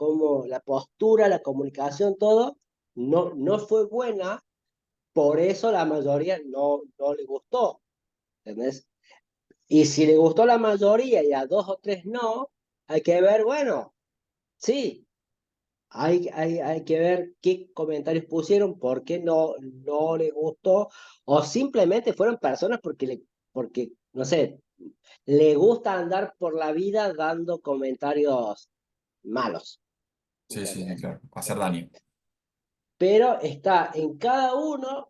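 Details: Adult man who says he stutters, in spontaneous conversational Spanish; stuttering.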